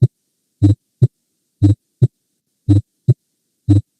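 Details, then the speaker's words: Split first heart sound at about 60/min, S1 doubled into two close taps then a single S2, best heard at the apex with the patient supine, turned obliquely left, breath held; if pathological, suggests right bundle branch block, ventricular extrasystoles or hypertension. "en caso de que este sonido sea patológico va a indicar un bloqueo en la rama derecha extrasístoles ventricular e hipertensión general"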